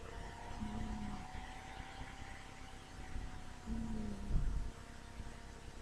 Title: Kitty Cat Snoring